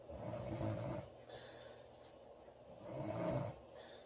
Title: Loud girl snoring July 12 2017